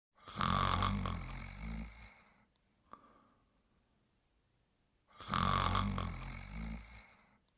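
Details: Sleeping and snoring: two long, rattling snores about five seconds apart, with quiet breathing between them.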